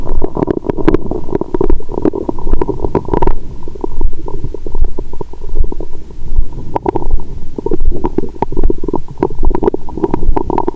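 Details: Adult woman's abdomen after a Christmas dinner with wine that followed a 22-hour fast, period due that day; active bowel sounds.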